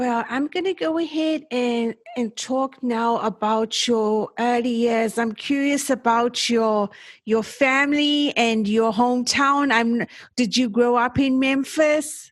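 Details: Adult speaker (interviewer); typical speech.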